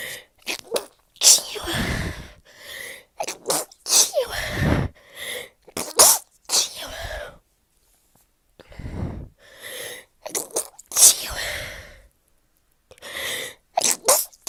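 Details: Series of sharp, forceful sneezes with quick inhalations and brief pauses, during a cold/flu with fever, sore throat, hoarse voice, cough, dizziness, loss of taste and heavy nasal congestion.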